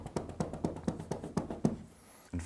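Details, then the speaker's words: Manual chest percussion demonstrated over the upper chest, moving up from the lower ribs, to loosen mucus; rhythmic hollow thumps, a physiotherapy airway clearance technique. "it's also possible to perform the percussion with some forced expiratory flow"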